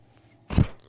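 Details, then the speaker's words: Speaker's own mechanical ventilator, heard while they talk during recovery from pneumonia last month: a single brief, low whooshing puff as it delivers a breath in a quiet room. "that noise you're hearing is my ventilator thank you for tuning in to only what you take with you presented my page Jers they were not my Star Wars Podcast May the force be with you"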